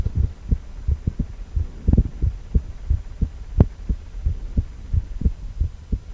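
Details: Ultrasound of a male heart, 4-chamber view, with heartbeat sound: steady, regular low thumping pulses over a soft background hum; normal heartbeat.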